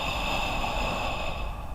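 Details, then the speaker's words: A steady, low, rough rattling snore during sleep; snoring, described as a risk sign of breathing pauses in sleep. "زياره مصالح الامراض الصدريه في حال الشخير تبقى من اهم التوصيات بسبب مدى خطوره التوقف عن التنفس عند النوم ما يؤدي الى الشخير الذي ينعكس سلبا على المصاب ويشكل مصدر ازعاج"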